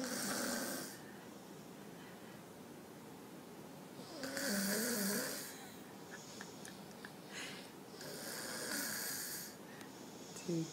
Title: YES...THAT'S THE BABY(2yrs old) SNORING THAT LOUD !!! Lmbo !!